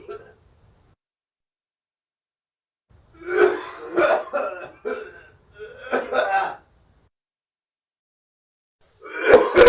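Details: Man producing a run of harsh, forced dry coughs and throat clearing after silence, then another cough, recorded as a human sound effect; acted dry cough.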